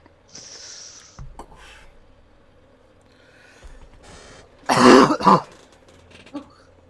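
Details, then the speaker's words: Adult with a persistent, horrible cough that never goes away, said not to be COVID: two harsh coughs in quick succession after some throat noise, over light room noise; chronic cough. "Sorry. I should just walk over there next time I need to cough. No, I was just making sure you're okay. It sounded bad."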